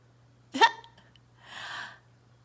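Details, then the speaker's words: A sleeping dog snores: a short snorting intake, then a soft, rushing exhale, over a faint steady room hum. "Can you hear my dog snoring?"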